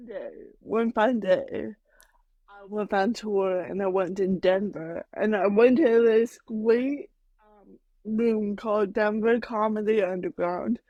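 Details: Adult woman with mild cerebral palsy that she says mainly affects her speech and motor skills, speaking in a podcast interview; mild dysarthria (cerebral palsy).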